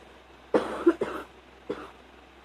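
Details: Three soft, partly muffled coughs, the first two close together, in a quiet room.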